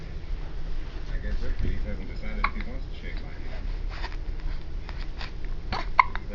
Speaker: Oh, you have the hiccups?